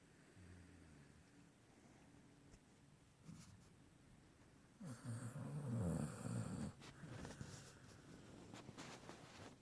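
Soft, low fluttering breaths with one louder rattling snore midway over faint room noise; light snoring during sleep.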